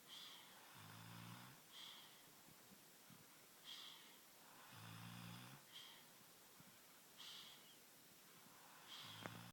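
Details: Snoring recorded in August 2012: rhythmic low, rattling snores alternating with hissy breaths, about 15 breathing cycles a minute.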